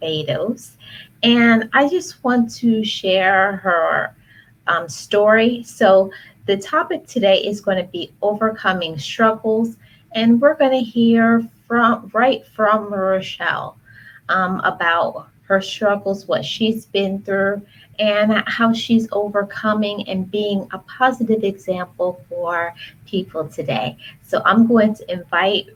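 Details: Adult woman speaking; normal speech.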